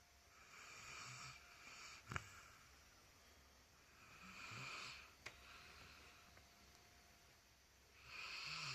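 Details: Soft, breathy, hissing snores recurring about 16 times a minute, with faint low flutter and occasional clicks; snoring.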